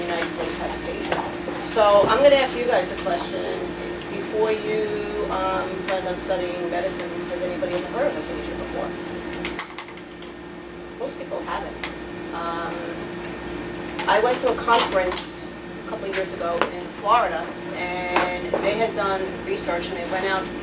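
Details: Adult speaker giving a talk; normal speech.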